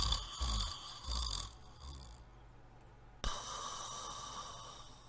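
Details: Two people sleeping: irregular rough snoring noises with a few snorts, then quieter breathing with a faint background hiss; snoring with snorts.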